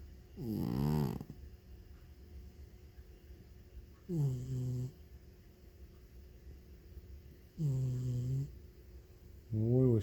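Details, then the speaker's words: Feral cat Leo snoring while asleep: loud, humming, tonal snores repeating every few seconds over faint room noise; harmless sleeping snore. "was she snoring loud. You're getting quiet now. I told Leo he snores in his sleep and he doesn't believe me, so I have to film it."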